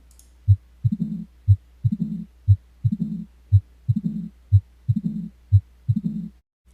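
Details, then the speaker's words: Mitral stenosis: loud first heart sound, second sound, then an opening snap followed by a low diastolic rumble, about 60 beats a minute. "in diast and mitr stenosis what you will hear is an opening step followed by a diastolic Rumble which is the murmur of mitro stenosis and I'll play you an example of this"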